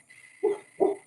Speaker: If you hear my dog is like snoring and having a dream. I don't know if you can hear that. It's kind of funny.